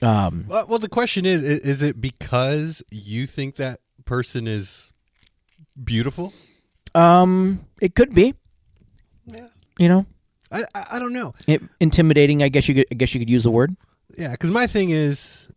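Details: Adult male with a self-reported stutter that worsens in awkward situations and sometimes occurs even when confident; real, unscripted podcast conversation; finding: stuttering.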